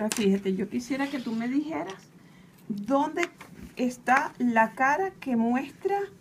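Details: Adult female therapist; Normal adult speech.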